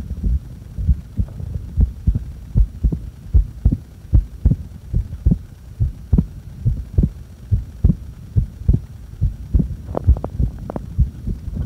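Steady low thumping heartbeat, about 70 beats a minute, with a faint steady hum behind it; normal heart sounds during breath-holding.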